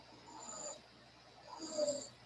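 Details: Two-year-old child with massive bronchial obstruction, not helped by inhaled salbutamol and ipratropium or rectal prednisone: two noisy breaths with whistling, musical wheezing audible without a stethoscope.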